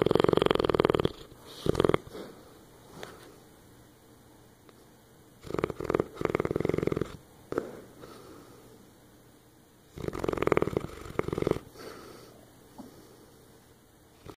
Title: Dog Snoring